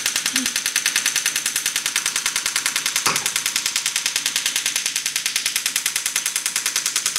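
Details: STORZ MASTERPULS extracorporeal shock wave therapy unit treating a horse for lameness: rapid, very regular sharp snapping pulses, several each second, with faint room noise.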